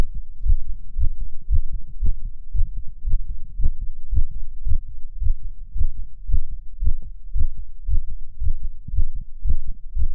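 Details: Male heartbeat: steady, quick low thumping at about 113 beats a minute, a fast heart rate.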